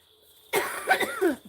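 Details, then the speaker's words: A single harsh cough burst with a brief voiced tail, indoors after near silence, during a live stream. The speaker apologises and says they shouldn't be coughing. "I might go get my headphones. Shouldn't be coughing. Oh, I'm sorry."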